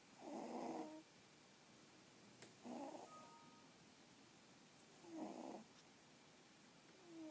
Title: The snoring pixiebob kitties...